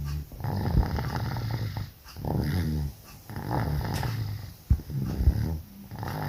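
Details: Sleeping dog, ill with flu and cough: very loud, rough, rumbling snores over about three long breath cycles; heavy snoring attributed to the illness.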